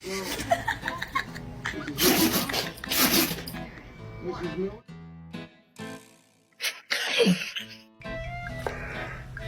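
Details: Quick snorting sneeze from a dog, with loud music and laughter in the background; sneezing.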